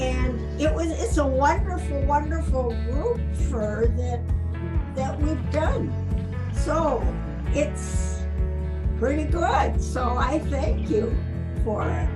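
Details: Adult with aphasia after a brain bleed; finding: aphasia.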